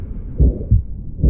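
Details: Aortic stenosis murmur radiating to the neck, played as a real-time stethoscope recording: low heart thumps with a rough murmur filling the space between beats.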